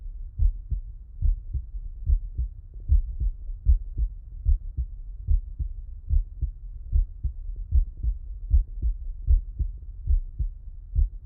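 Steady low-pitched heart sounds heard through a stethoscope with the person lying on the left side, about 75 beats a minute. Each beat gives the usual paired thumps with no added sounds, consistent with normal heart sounds in this position.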